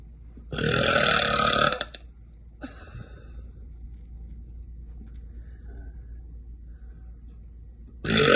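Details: A long, loud, rumbling belch from a girl, then a shorter second belch and a quiet room, with another belch starting at the end.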